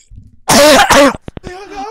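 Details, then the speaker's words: Acted coughing fit during a prank phone call, started on cue about 10 seconds into the conversation: two loud, forced, voiced coughs followed by brief throat noises. "about 10 seconds into the conversation you break out into a coughing fits like uncontrollable"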